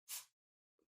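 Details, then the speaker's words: A single short, quiet, hissy sneeze from a cat, followed by a faint soft snuffle. "That's a cat sneeze. I don't know if you can hear that."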